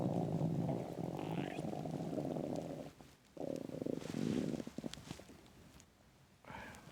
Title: Loud intense empty stomach growling